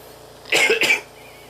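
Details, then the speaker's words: Person with cystic fibrosis coughing to clear mucus from the airways, which they describe as hard, taxing and exhausting: two quick, slightly throaty cough bursts. "coughing for me hard taxing exhausting and mmm it's always one for purpose you know to clear mucus out of my airway that my lungs produce"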